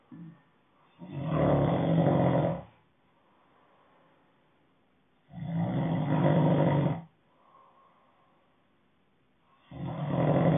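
Deep, rumbling snores lasting about a second and a half, with softer breaths between them, roughly fourteen a minute. Loud snoring during sleep.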